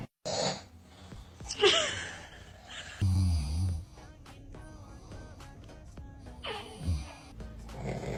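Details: Snoring from a sleeping adult man (dad), with a baby reacting to it.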